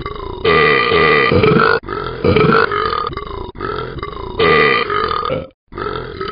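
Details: Animated game character Talking Ben drinks champagne and burps, so the sound is simulated: long, loud, drawn-out burps in several bursts with brief pauses. Burping.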